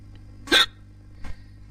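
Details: Male hiccups while talking; two abrupt, clipped gulping sounds less than a second apart over faint room hum.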